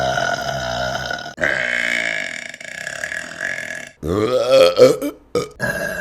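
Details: From a burp compilation: several long, loud, drawn-out burps in a row; burping.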